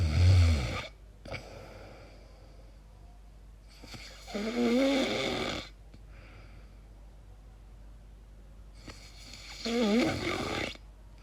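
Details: Sleeper asking whether the noises are snoring or sleep apnea: irregular snoring breaths with rattling, whistling and squeaky tones, separated by long quiet gaps of several seconds.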